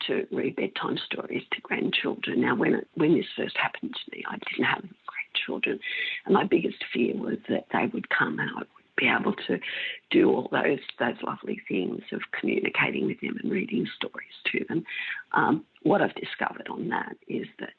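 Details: Adult female with spasmodic dysphonia of mixed adductor and abductor type for about 16 years, treated with Botox in the larynx that stops some of the spasms; she says her voice may go in and out a little.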